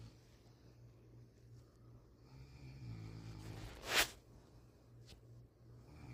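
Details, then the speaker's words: A sleeping person snoring without being aware of it: a single low, rattling inhaled snore that builds and ends in a brief snort, over a steady low room hum. "se dieron cuenta verdad todos roncamos unos fuertes otro suaves pero roncamos"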